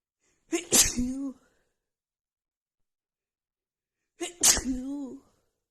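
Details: Female with a cold and blocked nose, after sniffing a tiny bit of black pepper: two forceful sneezes, each a sharp intake then explosive burst, separated by silence.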